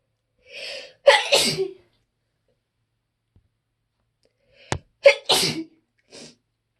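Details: A super loud, big sneezing fit: two sneezes in a row, each a drawn-in breath followed by an explosive burst, in a quiet room; repeated sneezing.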